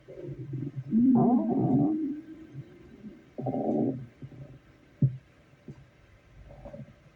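Low gurgling growls and rumbles come in irregular bursts with soft pops between them; ordinary stomach growling, or borborygmi.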